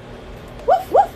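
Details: Bark-like vocal tic right after saying 'woof', in a person with tics/Tourette's; vocal tic (Tourette syndrome).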